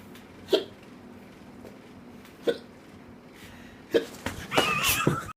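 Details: Hiccups: sharp, brief voiced catches about every 1.5 seconds, three in a row, followed by some noise and laughter-like sounds; likened to contractions.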